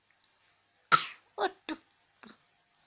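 One sharp cough burst followed by three smaller, fading coughs, with quiet between them.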